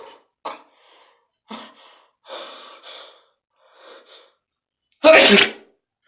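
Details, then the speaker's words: Person demonstrating sneezing with eyes open: several short catching inward breaths build up to one loud, explosive sneeze. Sneezing. "hey guys today I'm gonna show you how to sneeze with your eyes open so here we go"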